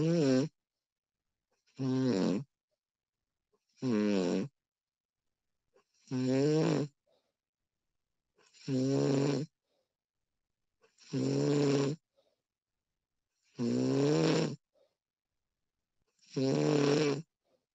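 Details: Regular voiced snores with quiet pauses between them, about 24 per minute, from a woman recorded during her sleep; snoring.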